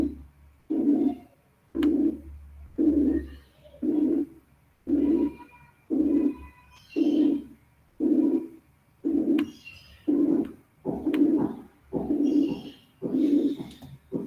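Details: Simulated harsh, rough murmur from a noise band between 180 and 460 cycles, repeating about 58 times a minute, the kind associated with aortic and pulmonary stenosis; harsh systolic murmur (simulated).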